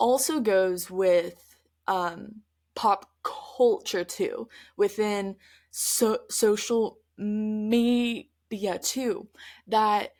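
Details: Adult woman who stutters, speaking conversationally on her stuttering podcast; stuttering.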